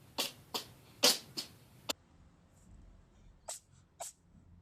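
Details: Cat sneezing compilation: a quick run of five short, sharp bursts of air, then two more after a pause; repeated sneezing from a cat.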